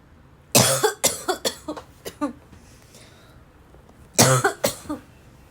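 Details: Two runs of harsh, hard, barking coughs, several in quick succession, with a pause between the runs; coughing hard as if choking on the cough.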